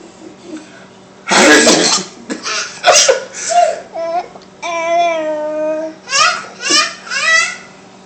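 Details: Loud explosive sneeze bursts from a father and a sister, followed by a young child's squealing laughter; ordinary sneezing.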